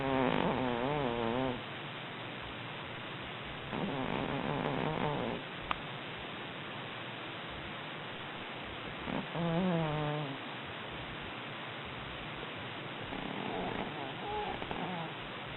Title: Cookie Cat snores